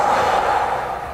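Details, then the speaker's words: Adult speaker demonstrates a single slow, airy deep breath in to gather and release tension before speaking, a tip for reducing stuttering anxiety. "So our body gathers a lot of tension so if you have a moment, in the corridor, in the elevator, behind the scene somewhere before you enter that room, before you start speaking you just gather all your tension (breathe in)"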